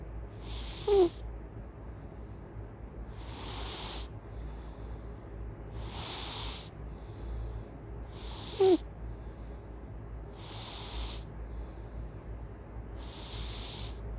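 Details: Loud noisy breathing and snoring during sleep: repeated hissy, airy breaths with a few brief snorts against steady room hum.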